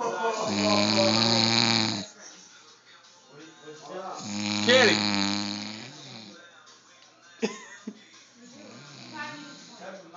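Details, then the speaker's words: Sleeping female: two loud, droning, buzzing snores a few seconds apart, then quieter breathing with faint background noise; steady snoring. "She's sleeping and snoring. She's sleeping and snoring."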